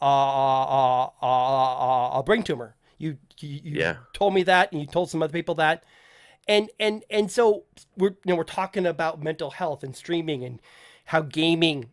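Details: Adult male podcast host who says he stutters, with people in voice chats often asking him to repeat himself; word and phrase repetitions such as repeated phrases; stuttering.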